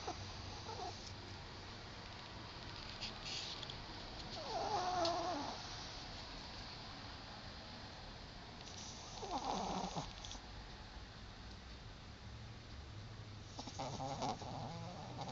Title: Snoring Chihuahua